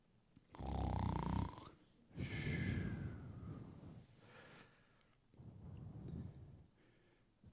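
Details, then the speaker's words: Simulated snoring: exaggerated snorting, rattling snores with breathy exhalations, a speaker's imitation of someone in deep sleep during a sermon, not a real sleeper. "that is the sound of faith anybody familiar with that sound I am I won't throw you under the bus my darling and I'm not going to ask a hands of people that snore"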